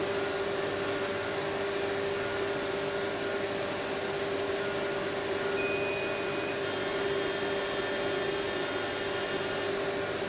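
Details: Fractional CO2 laser (10600 nm) firing during an acne-scar-setting demonstration on paper: constant fan-like hum with a steady tone, then high-pitched beeping tones as the laser fires.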